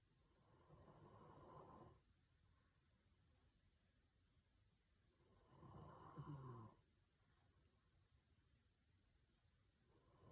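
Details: Snoring from a sleeping dog: slow, rumbling inhaled snores about every four to five seconds, roughly 13 a minute.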